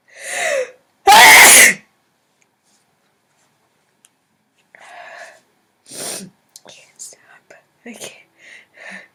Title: Sneezer sneezing sneezes is back... :D